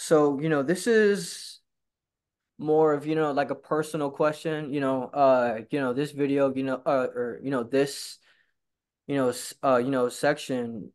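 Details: Stuttering in a male person who stutters who attends stuttering support group meetings.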